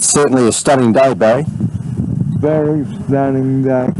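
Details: Adult man speaking outdoors; normal voice.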